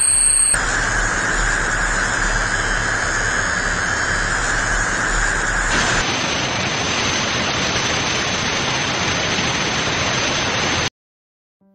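Steady loud hissing noise with a faint high whistle, a simulation of the ringing or buzzing of tinnitus.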